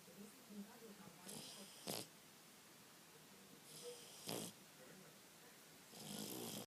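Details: Snoring in a Shar-Pei dog: irregular rough snorting breaths about every two seconds over quiet room noise.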